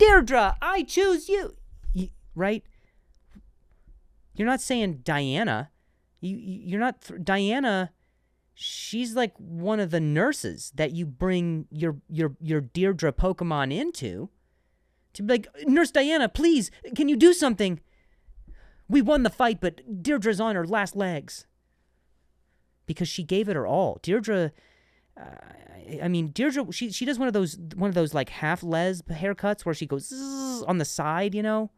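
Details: Adult man who stutters, who notes switching words after stuttering on one; word repetitions; stuttering.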